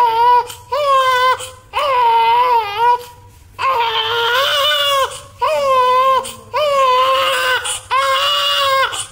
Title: Crying 😭 newborn 🥰 Baby 😊 #baby #love #newborn #Congratulations #maa #cutebaby #birthday